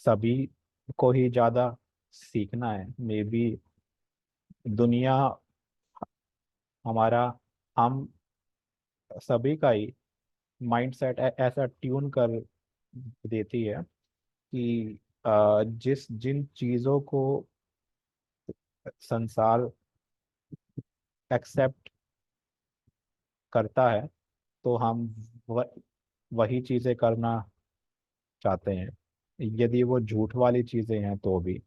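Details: Adult man speaking Hindi; stuttering.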